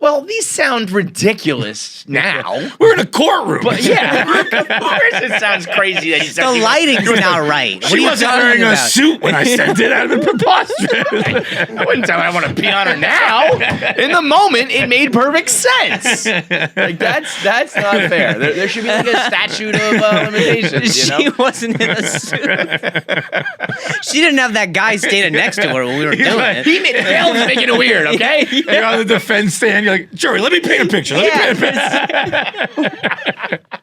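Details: Adult male with stutter onset at age 20 after a softball injury (ball to throat, head strike), with major concussion and minor vocal contusion, later diagnosed by a neurologist as neurogenic stutter; neurogenic stuttering.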